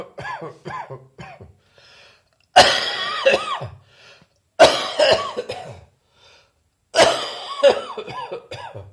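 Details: Three forceful, rough coughs after a run of softer throat-clearing sounds, with phlegm mentioned; wet, productive cough.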